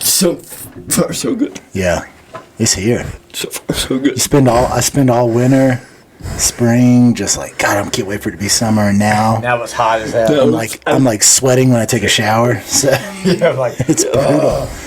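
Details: Adult male speaker; typical speech.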